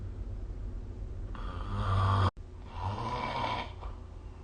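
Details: Snoring recorded with the SnoreLab app: two rough, rumbling breaths in a quiet room, the first ending abruptly; snoring during sleep.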